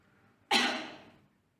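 One forceful, deliberate cough burst that fades quickly, a demonstrated effective cough for clearing the airway.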